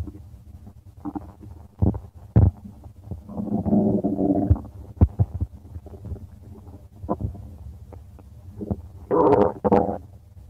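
Loud gurgling, bubbling stomach rumbles with short pops over about ten seconds; ordinary bowel sounds of gas and fluid moving through the gut.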